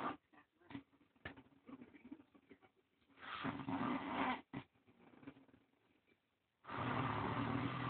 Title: Snore monster can't breath